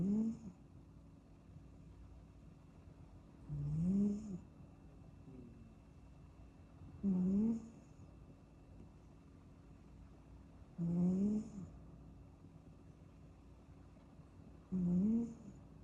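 Faint, soft snuffling snores about every four seconds, roughly 16 breaths a minute, over light room hum; a kitten snoring harmlessly while asleep.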